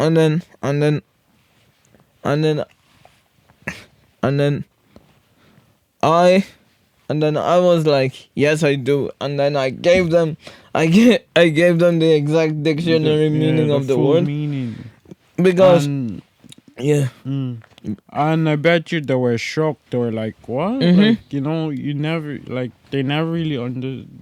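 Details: Stuttering in a speaker with cerebral palsy, severe in childhood and treated with speech therapy, still frequent in adulthood; word and phrase repetitions.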